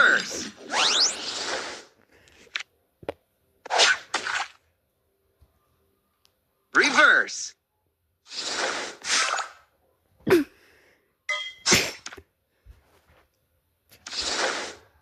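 About five sudden, forceful airy bursts, some with a brief voiced start, separated by quiet gaps: a run of repeated sneezes.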